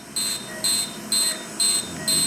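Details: Syneron/Candela Core fractional CO2 laser in mid mode, used to treat a patient's acne scarring, firing regular high-pitched electronic beeps about twice a second over faint room noise.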